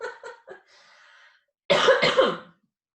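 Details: Productive (wet) cough.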